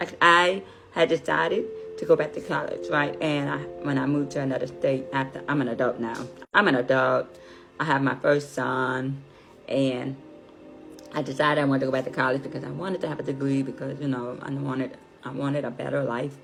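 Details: Deaf adult woman, deafness found at age five, learned to speak through speech therapy, raised without sign language; deaf speech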